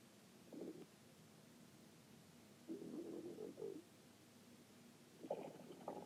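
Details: Low gurgling rumbles in three bursts over steady background hiss: ordinary stomach growling.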